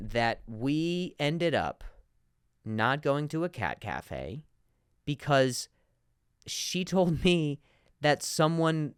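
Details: Adult man, real stuttering in spontaneous speech, repeating a word many times.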